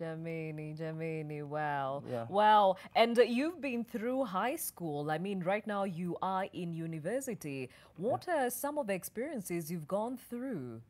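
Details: Adult female speaker; normal speech.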